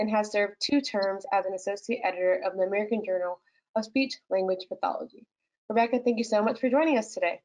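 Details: Adult woman speaking; ordinary speech.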